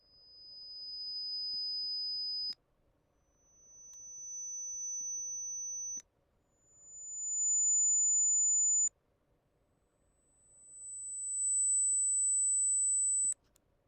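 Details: Online hyperacusis hearing test over headphones finding the loudness discomfort level per ear: four pure high-pitched test tones, each rising in loudness then stopping, stepping higher in pitch.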